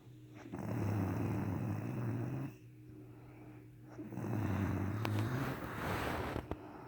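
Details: Two long, loud, low rattling snores separated by a quiet pause, from a person sleeping after getting drunk.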